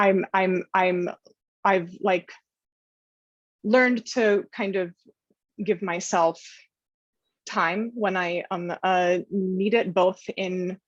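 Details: Adult woman who stutters: stuttering.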